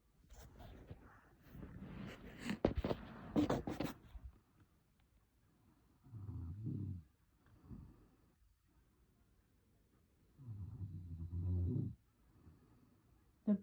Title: Me snoring